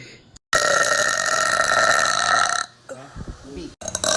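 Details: Girl burping in a burp compilation: a long, loud, sustained burp of about two seconds, followed by brief vocal sounds and room noise.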